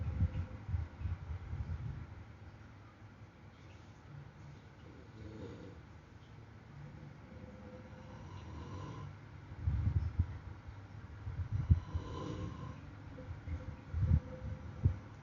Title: Snore /เสียงกรน